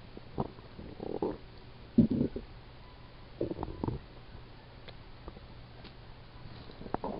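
Several low gurgling rumbles over quiet room noise; ordinary stomach growling from gas and fluid moving through the gut.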